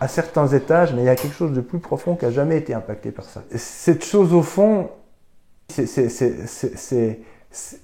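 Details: Man aged 42, speaking French, with longstanding severe stuttering, now reports barely stuttering; stuttering.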